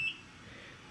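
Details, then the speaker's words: Single brief high-pitched beep from an IV infusion pump alarm in a quiet hospital room; it sounds when the patient moves her arm, after a third C-section at 37 weeks. "if I move my arm too much it starts beeping and it only turns off when she comes in to check"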